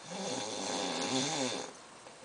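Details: Sleeping male snoring, described by the observer as unusually bad, with a brief pause noted: a single rough, rattling breath with a fluttering buzz, typical of a snore.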